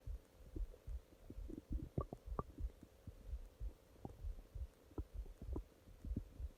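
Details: Nighttime stomach growling: frequent low gurgles and brief bubbly pops over a faint steady hum; active bowel sounds (borborygmi).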